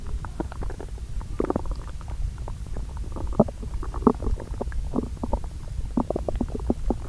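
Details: Self-recorded bowel sounds from two areas of the lower intestine, overlaid, the day after meals: frequent soft gurgles and brief bubbling clicks over a low steady rumble. Normal borborygmi.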